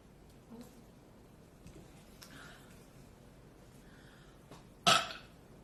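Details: Girl burping after drinking very fizzy club soda: a quiet room, then one loud, abrupt throaty burp near the end.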